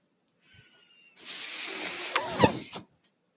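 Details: Speaker's own mechanical ventilator heard in the background while talking on a podcast: breath-delivery sounds of the ventilator.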